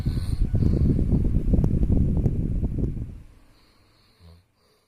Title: Suara orang lagi ngorok .